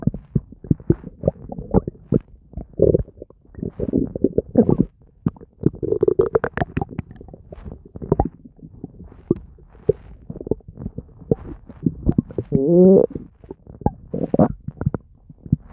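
Frequent gurgling, bubbling and squeaky rumbles from the belly, nearly continuous: active bowel sounds, a normal finding.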